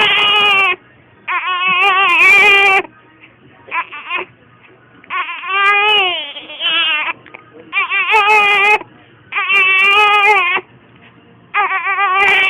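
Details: Infant with hiccups, upset and getting angry, crying in about seven loud, sustained bursts with short pauses between them.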